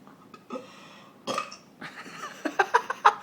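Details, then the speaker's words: A run of deliberate voiced burps, some drawn out and some short, shaped into the letters of the alphabet; belching on purpose. "oh you're supposed to burp It Whatever all right horrible give a little burp"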